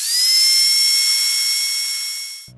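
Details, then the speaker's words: Steady high-pitched whine of a dentist's drill running for about two seconds, then stopping; dental drill sound. "是不是有一点头皮发麻的感觉呢？滋滋的电钻在你嘴巴里面开工，整个诊室里边飘着一股糊味，头顶的大灯闪得你睁不开眼，医生拿着钳子在你的嘴巴里边像涮火锅一样忙得热火朝天。"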